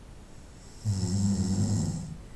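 A single low, buzzing snore lasting over a second. Snoring.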